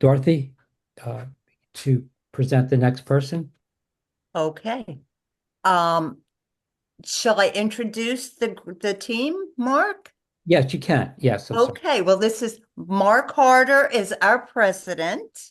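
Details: Woman with aphasia since December 2022 after a stroke from moyamoya disease at age 37, left side affected first; aphasia.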